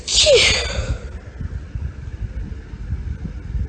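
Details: Deliberately performed girly sneeze from a female: one sharp, high-pitched sneeze with a brief hitching catch, followed by quiet breathing and room noise.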